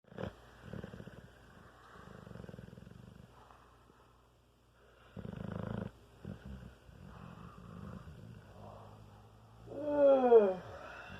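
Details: Dog snoring quietly in sleep, said to snore like a human: soft rattling breaths over several breaths ending with a louder groaning snore.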